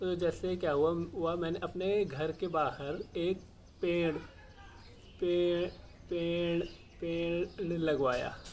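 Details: Adult male speaker; stammering (stuttering).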